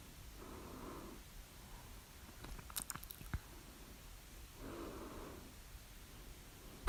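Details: Hiccups at 3:04 A.M. after overeating at dinner: two muffled, voiced hiccups about four seconds apart in a quiet room with faint clicks; recorded with the mouth closed and open, the loudest hiccups with the mouth open.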